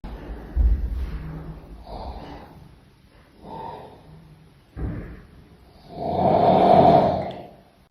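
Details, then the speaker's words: Adult man asleep, snoring loudly and roughly in irregular bursts, with a very forceful, roaring final snore. "Amca horlamıyor, evrene mesaj atıyor. Işıklar içinde uyuyor adam."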